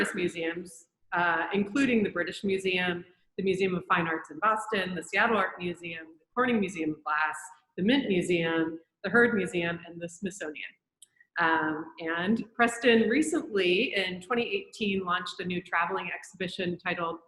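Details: Adult woman speaking; normal speech.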